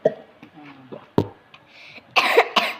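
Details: A child gives a couple of short, harsh coughs in a quiet room, preceded by a brief sharp burst.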